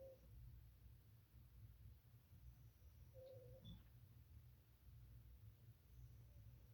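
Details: Sleeping pet snoring: quiet, low rumbling snore with a few faint whistling squeaks on the breaths.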